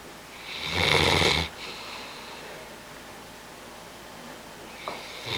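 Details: Bloodhound napping: one loud, harsh, rattling snore on the in-breath, then quiet breathing and the start of another snore.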